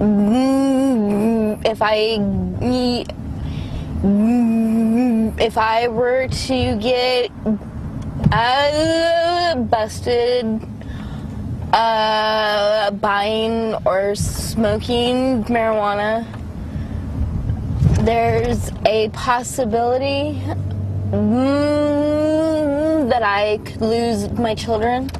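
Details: Adult woman with congenital cerebral palsy affecting motor function, with right-sided weakness and pain; severe stutter resulting from her condition. Finding: stuttering.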